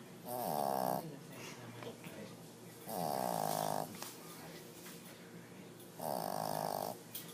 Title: Kiwi snoring up a storm!